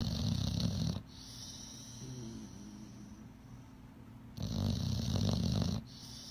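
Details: Small dog snoring: two rough, rattling snores on in-breaths with quiet exhalation between.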